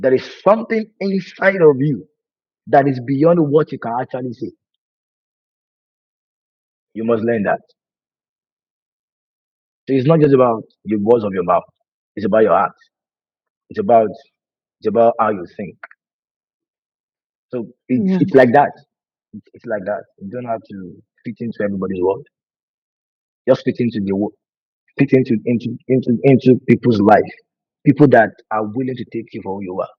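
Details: Adult man who has stammered for over 20 years, worse with nervousness and fear, with a family history (brother and sister also stammer); stuttering.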